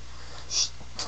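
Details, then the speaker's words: Sneezing in a male: a single sharp, hissing sneeze burst with a brief follow-on exhalation over steady room hum. "Well, wait, I'm about to sneeze."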